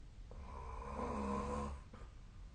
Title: 🐽 本日のイビキ / Snoring Sleep Sound 2025/02/19